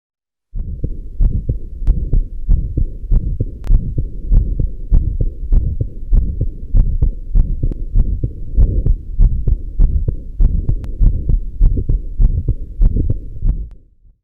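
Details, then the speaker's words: Aortic regurgitation, no mitral stenosis, breath held in expiration, best at the left sternal edge: heart sounds near 98 a minute with a soft blowing early diastolic murmur. "it is a early diastolic murmur which is best heard at the left sternal edge"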